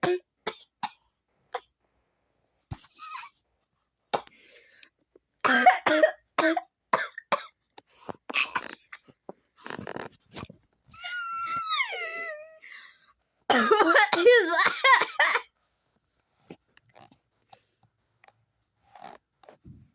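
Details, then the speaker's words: Repeated short, sharp coughs and throat clearing in quick bursts from a child who says they are sick with a bad cough. "so sorry for my cough because like I'm kind of sick and my cough is like a little bad like here I'll like cough for you hang on let me get away from"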